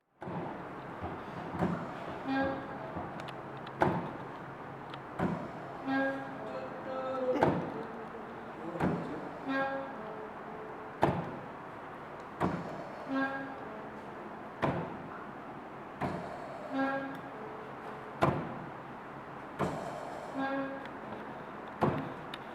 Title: Mechanical ventilator locally made from Sierra Leone 2